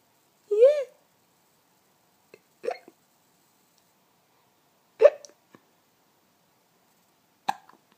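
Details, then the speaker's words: Baby nearly 4 months old, a frequent hiccuper even in the womb, with milk dribbles: four short, sharp hiccups about every 2.5 seconds, the first with a small squeaky voiced catch; hiccups. "and the amazing hiccups can you do some noisy ones for us again hiccup champion"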